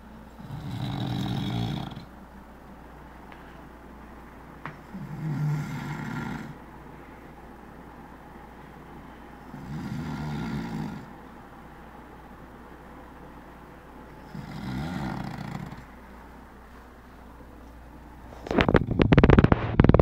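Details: Person sleeping and snoring: deep, low, rumbling snores coming steadily about 13 times a minute, ending in a burst of loud handling noise.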